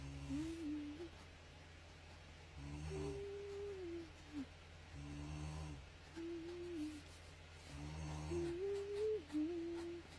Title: Drawing while you hear someone's snoring